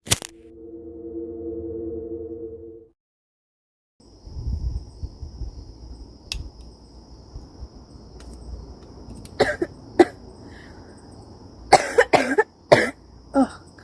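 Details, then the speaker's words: An adult woman, about to smoke, gives a series of short, harsh coughs against a steady hum and low room noise. "gosh my goodness and I'm going to smoke this it's going to help with the coughing I always find that so weird"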